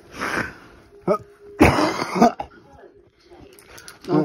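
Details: Person with temporal lobe epilepsy during a bad tonic-clonic seizure, unconscious though appearing awake, while mum says stay still: irregular harsh cough-like bursts and throat sounds between quiet gaps, TV in background.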